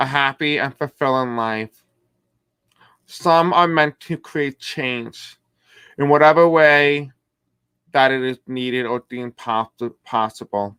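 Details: Deaf man who reports a deaf accent and difficulty pronouncing certain words; deaf speech.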